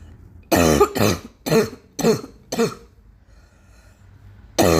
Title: still coughing like hell